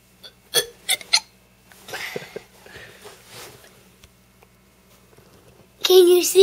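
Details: Three short, sharp voiced bursts in quick succession from a young boy who can make himself burp at will, followed by talk and a louder vocal burst; labelled hiccups.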